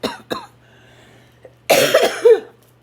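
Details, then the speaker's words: Adult woman with ongoing lung illness who can barely talk without coughing: two short cough bursts, then a louder, longer rough cough with throat clearing, in a small quiet room. "I can't hardly talk that's why I couldn't call my sisters is because lately I can't talk without coughing my head off and I'm scared it's going to happen again"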